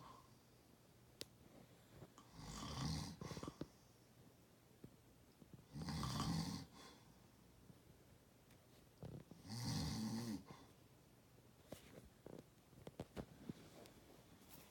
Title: This One’s a Real Snore